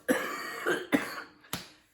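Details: Three sharp, harsh, dry-sounding cough bursts with noisy tails in a small room, from a man who says he has been very sick for the past week; cough.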